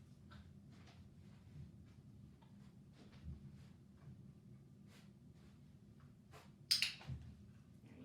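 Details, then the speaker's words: Dog trained to sneeze on cue, sneezing on command while on a blanket: a really quiet, weak sneeze, with a better one following after more warming up. "Hoping you guys can hear that. He gave us a really quiet, lame one, and I waited for a good one."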